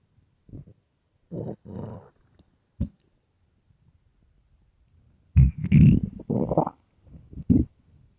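Low gurgling growls and rumbles in irregular bursts from the belly: stomach growling from a hungry, bloated stomach, a normal sound.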